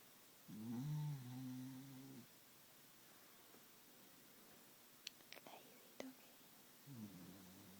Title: Darcy snoring her head off